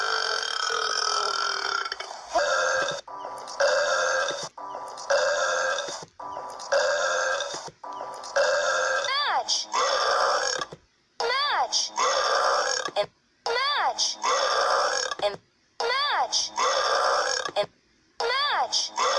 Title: Burps compilation 48